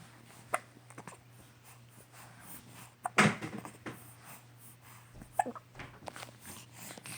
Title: He got the hiccups